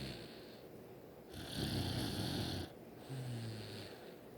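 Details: A person's sister snoring: noisy, rough breathing with a low rumble on one breath, over a hissy background.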